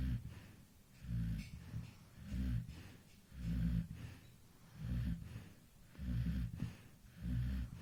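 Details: A sleeping baby at 2 a.m. snores softly and rhythmically with low rumbling sounds at about 50 breaths a minute: snoring.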